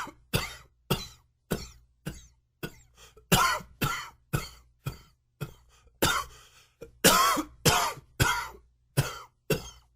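About seventeen harsh coughs in ten seconds, closely spaced with brief gaps: a sustained coughing fit.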